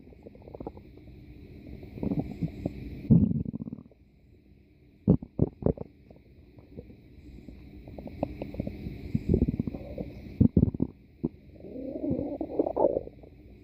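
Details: Gurgling, rumbling bowel sounds with bursts of low bubbling and squelches; ordinary stomach growling (borborygmi).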